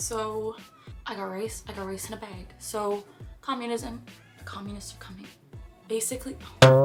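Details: Girl with Tourette syndrome during a painful tic attack on a bad tic day, with intense motor tics and some vocal tics, including repeated phrases. Vocal tics (Tourette syndrome).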